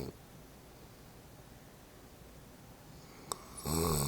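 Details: Mother snoring in sleep: low, steady breathing rumble, then a louder snore starts at the end.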